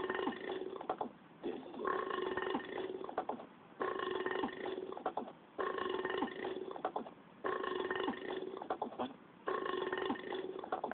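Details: Mole: about six long, loud, rumbling burps in close succession, each lasting a second or more; burping.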